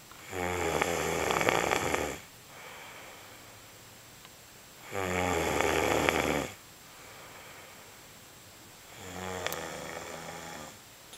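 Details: Three loud, rough, rattling snores on breathing in, each lasting one to two seconds, with quieter breathing out between them; heavy snoring.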